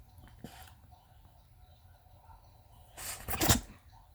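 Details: 17-year-old Lhasa Apso/Maltese dog sneezing constantly due to dental disease: quiet room, then a brief burst of small, sharp nasal sneezes.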